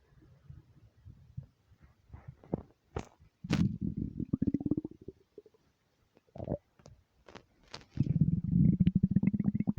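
Deep, drawn-out gurgling and croaking rumbles with rising pitch, typical of normal bowel sounds from an empty stomach.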